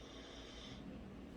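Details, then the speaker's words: A snoring Staffordshire bull terrier ("bully" staffy) that snores badly, heard in the background as loud, rough snoring. "i didn't realize there were two cards here oh my gosh she is snoring so loud"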